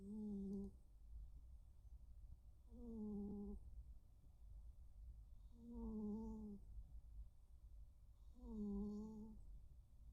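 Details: Two pet cats, one a tuxedo cat, asleep: slow, regular snoring at about 22 breaths a minute over a low hum of room noise; snoring.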